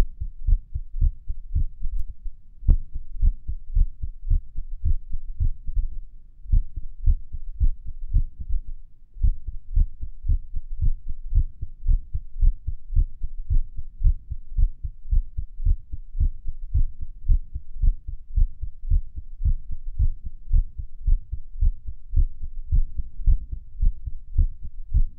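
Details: Heartbeat recorded at Erb's point while lying on the stomach: fast, low thumps at about 110 a minute with uneven spacing between some beats, suggesting an irregular rhythm.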